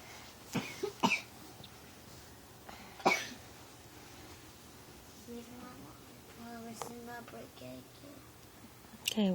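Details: Bad cough from a child: three short, harsh coughs in a quiet room, followed by brief child vocal sounds.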